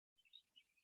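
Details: After a brief silence, a short burst of fine, dense crackling like Velcro pulling apart; lung crackles, in teaching on listening at the axillary lung bases, best site for fluid as in heart failure.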